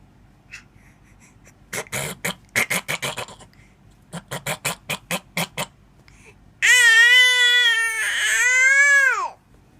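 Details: Young child's voluntary fake cough: two runs of short, deliberate cough-like bursts, then a long high-pitched squeal of laughter.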